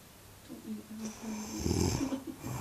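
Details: Low, gurgling, rattling snore building over a single breath with a wet, gargling quality; snoring.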